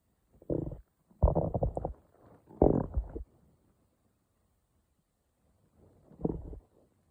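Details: Four low gurgling rumbles over seven seconds separated by quiet gaps, in the morning: ordinary stomach growling from gas and fluid moving through the gut.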